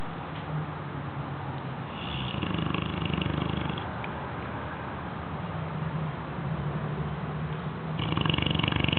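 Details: Six-month-old Bloodhound puppy snoring while asleep; snoring.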